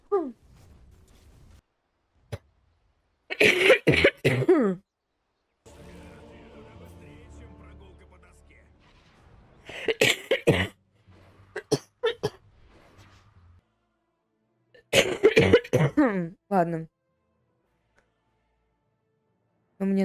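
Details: Real, unscripted smoker's cough in an adult woman who smokes and has allergies, coughing while gaming: three bursts of harsh, deep, wet-sounding coughs with faint game music between fits.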